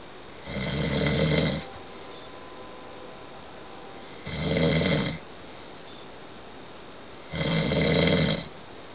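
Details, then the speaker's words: Adult man (husband) asleep, recorded through a bedroom wall: three loud, harsh, rattling snores at about 18 breaths a minute; heavy snoring. "you roll over you're going to hurt your throat nor so loud me yeah you're snoring really loud and I finally got you on tape"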